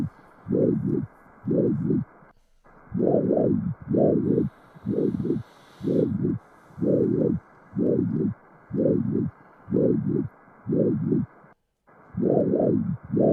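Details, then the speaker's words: Subcostal spectral Doppler of a hepatic (suprahepatic) vein: rhythmic double-peaked whooshing flow about 60 a minute carrying the heart's atrial pulsations, a pattern linked to lost liver compliance in portal hypertension; pulsatile hepatic venous signal. "fíjense este flujo Cómo transmite los movimientos auriculares es una subhepático el corazón está ahí el diafragma y el hígado"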